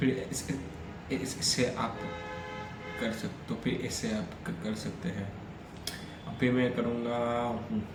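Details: Adult man with stammering, on day 3 of a daily fluency practice routine that includes breathing and relaxation exercises, speaking continuously as reading and storytelling practice; stammering.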